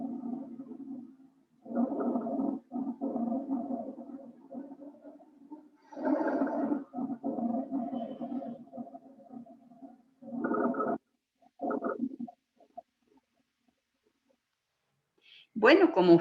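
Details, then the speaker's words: Rhonchi heard with a stethoscope: low-pitched, rumbling, snore-like sounds riding on each breath, caused by obstructed or rough airflow through the airways with secretions. "este sonido que han escuchado es un sonido patológico y se lo llama roncus estos ruidos se producen cuando cuando el aire queda obstruido o cuando el flujo de el aire se vuelve áspero a través de las vías respiratorias"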